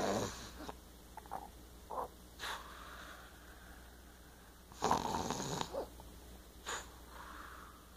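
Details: Quiet, irregular snorting breaths with soft rattling on inhalation against faint room hum: a person (Aiden) snoring lightly.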